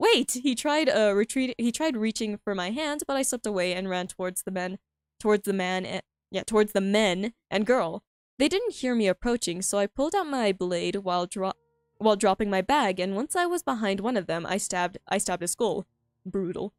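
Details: Streamer with self-reported frequent stuttering, reading aloud her own story, which she finds difficult; repeated phrases and fillers; stuttering.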